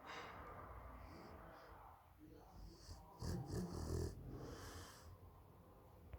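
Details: Pugalier (small flat-faced dog) snoring loudly: rough, snorting breath noises with a louder rattling snore midway, over faint room noise.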